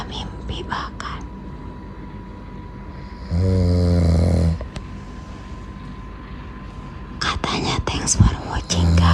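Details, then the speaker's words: Adult who fell asleep, apparently in a car, gives a single loud, low, buzzing inhaled snore of about a second, between soft whispered talk and faint car noise; also reported talking in sleep. "Dari dia yang tadi ngajakin jalan dan makan di luar, tapi tepar sampai ngorok."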